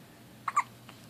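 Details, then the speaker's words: Two quick, soft, high-pitched catches close together in a quiet room: hiccups in an infant girl, who seems aggravated by them. "mommy loves you oh my gosh your hiccups are adorable you get aggravated oh don't cha BB get aggravated"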